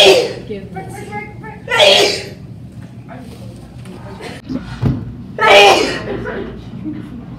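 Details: Adult woman sneezes three times in sharp, explosive bursts, with softer breathy and voiced sounds between them in a small room: repeated sneezing.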